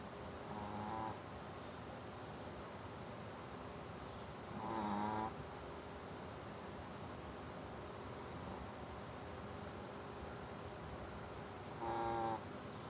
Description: Brewster's snoring snoot....